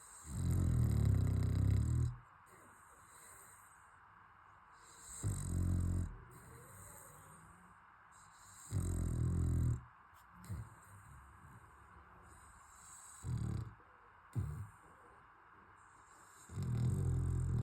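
Deep, rumbling snores, five long ones and a few short snorts over about 18 seconds, with quiet gaps: loud snoring in a sleeping dog.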